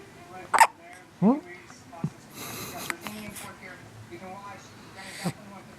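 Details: One-week-old newborn baby with hiccups: short, sharp, irregular catches, with soft adult talk and room noise around them.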